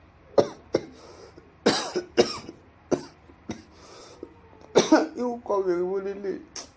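Several sharp, short cough bursts, about seven, followed by a brief voiced sound; room quiet otherwise.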